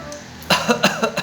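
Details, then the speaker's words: Six-month-old baby imitating Papa's cough to get attention: four short, voiced, playful cough-like bursts in quick succession, an imitated cough. "Oh, iya. Ayo batuk cari perhatian lagi."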